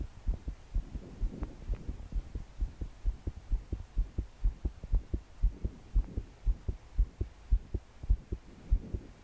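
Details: 22-year-old female trying to calm her heart to sleep, deep breaths not helping: strong fast regular heartbeat around 118/min, body shaking with each beat, soft breathing, heavy rain behind; pounding palpitations.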